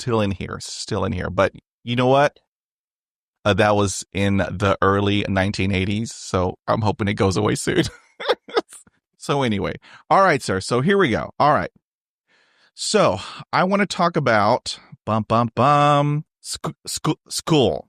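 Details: Adult man who has stuttered since age 5, with speech therapy on and off from grade school to college; finding: stuttering.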